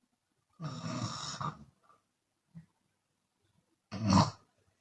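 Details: Chinese woman snoring with open mouth, sometimes on exhalation: two loud, rough snoring breaths separated by a short soft sound; snoring.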